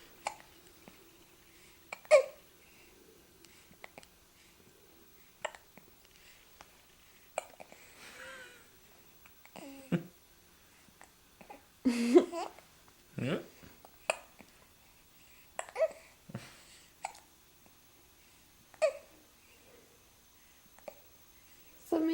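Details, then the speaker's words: Baby girl with hiccups: repeated short, sharp hiccups at irregular intervals over about 20 seconds, with soft babbling between them. "Someday you won't enjoy the hiccups. Right now she likes it. It means you're growing, you're getting bigger."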